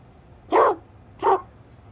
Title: Kirby cough- 20211005